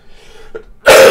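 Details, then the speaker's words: Adult with congested sinuses, a nasal voice and ongoing illness, trying to cough up chest mucus: quick breath in, then a single loud, forceful cough cut off abruptly; productive cough. "again for the constant coughing because as you gonna hear I'm still a little nasally because my sinuses are still in full rebellion I'm still two days behind him yeah and so at this point I'm trying to just cough all the junk in my chest up so I'm sure that sounds horrible and unpleasant and I apologize for that"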